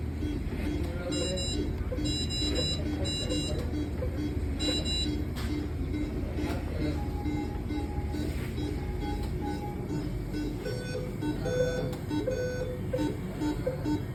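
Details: Repeated short electronic alarm beeps from a ResMed BiPAP machine in silent mode, over steady background music and machine noise; BiPAP machine alarm.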